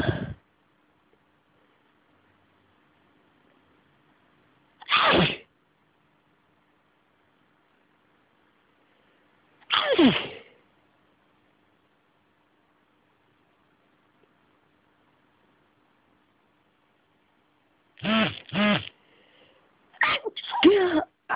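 About seven sharp, explosive sneezes come in a run, the last ones close together, with quiet pauses between.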